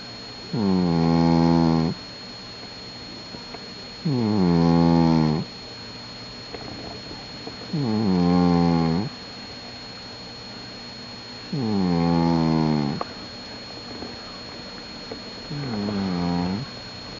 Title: JACK THE SUPER SNORING CAT